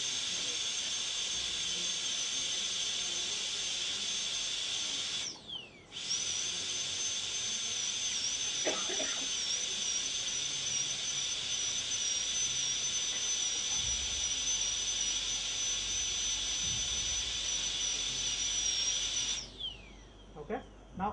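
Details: Steady high-pitched whine of a high-speed dental air rotor, briefly stopping and restarting between cuts while a tooth is prepared for a PFM crown.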